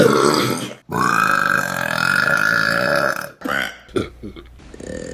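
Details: Burping compilation: a loud, long, rumbling belch lasting over two seconds, then a shorter burp and a few small gulping sounds.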